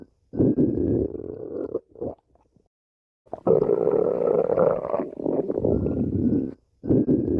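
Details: Ordinary stomach growling (borborygmi): several long, low gurgling rumbles separated by brief silences, from gas and fluid moving through the gut.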